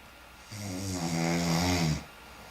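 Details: One low, buzzing, rattling snore lasting about a second and a half; snoring.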